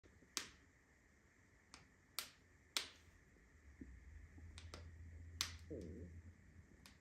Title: My ankle makes strange sound